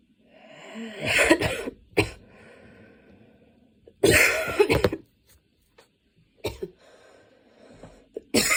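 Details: Coughing fit that came on suddenly on a Saturday afternoon while studying and worsened until studying had to stop, with frequent position changes: clusters of harsh, forceful coughs in close succession, with noisy breathing between bouts.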